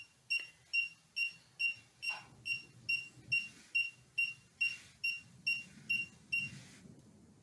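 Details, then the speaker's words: Boston Scientific deep brain stimulation (DBS) implant charger worn around the neck, one week after implantation: steady high-pitched beeps, about 140 a minute, with faint room noise, signalling the charger is positioned properly over the implant. "so after some mucking around i meant to get it on properly now it's going to start beeping again"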